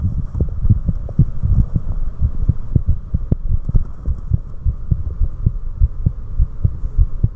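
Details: Adult's own heart sounds at rest, recorded while inducing a carotid sinus reflex: clear, regular low heart thuds with the heart rate dropping sharply; normal heartbeat with reflex slowing.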